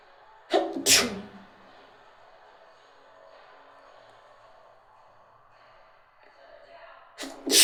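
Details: Sneezing: a quick, sharp double sneeze, a quiet pause, then the start of another sneeze.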